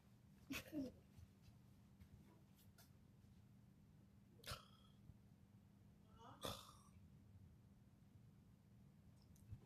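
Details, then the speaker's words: A young boy gives small, soft, explosive sneezes onto his father, who says "excuse you" repeatedly. Quiet background with low hum. "excuse you excuse you excuse you yeah excuse you man dang sneezing all on people man what's wrong with you man"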